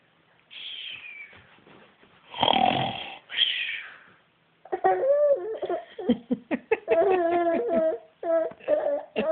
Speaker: Like fake sneezes and fake hiccups and now fake snoring. That's too easy.